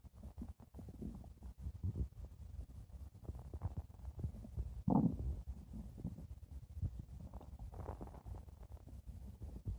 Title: blue diamond stomach growling 5 minutes